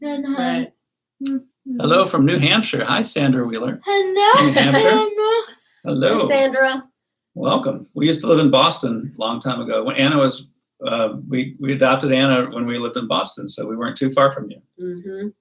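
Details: Adult man; typical speech.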